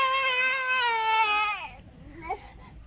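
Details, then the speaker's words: A young child's brief high-pitched wailing cry that trails off into quieter sounds, heard on a family outing at a dragonfly park in Bali; an older sibling is said to be crying after losing someone. "kakaknya nangis dia kehilangan Dayuatanya."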